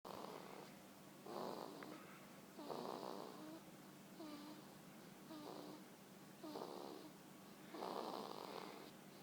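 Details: Baby snoring: soft, rough breathing noises repeating about every one to one and a half seconds, roughly 45 a minute, over room hiss.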